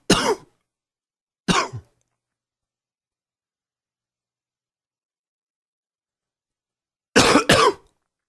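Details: Adult coughing fit during a cold: four short, harsh coughs, one single, one with a second catch, then a quick pair.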